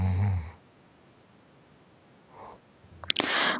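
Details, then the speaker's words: Adult husband asleep after a tiring day: one low, rattling snore at the start, then quiet breathing and some rustling movement near the end; snoring during sleep. "और जैसे ही हमने सोने की कोशिश की तो देखा कि भाई आप मेरे पतिदेव का खर्राटा सुनो।"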